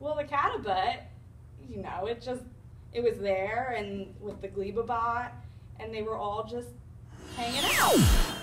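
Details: Acted demonstration of Wernicke's aphasia performed by communication disorders students, not a real patient; finding: Wernicke's aphasia.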